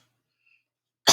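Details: Normal voluntary cough, cued after the patient says "ah", during a clinical bedside swallow evaluation with nectar-thick liquid trials; the clinician judges it normal.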